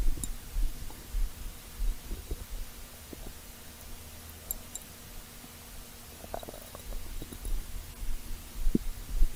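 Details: Over five minutes of stomach growling: faint, irregular low rumbles and gurgles over quiet room hiss; ordinary borborygmi.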